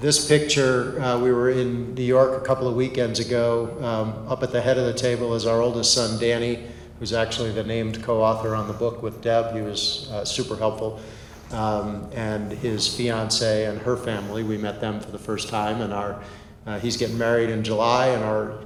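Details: Adult male speaker; Normal conversational speech.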